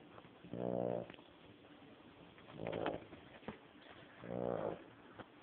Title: My 14 year old dog snores so loud